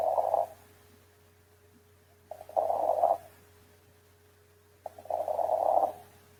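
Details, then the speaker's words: Auscultation in pneumonia showing consolidation signs (reduced air entry, crackles, bronchophony), focus possibly at lung bases: rough crackling breath sounds via stethoscope, about 22 breaths a minute, over faint steady hum. "y la oscultación característica que son los signos de consolidación: disminución de la entrada de aire, la presencia de crepitantes y la broncofonía. Escuchemos."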